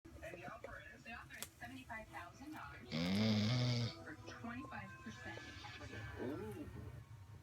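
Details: Tom, a sleeping service dog, gives a single loud, rumbling snore over steady television talk in the background: snoring.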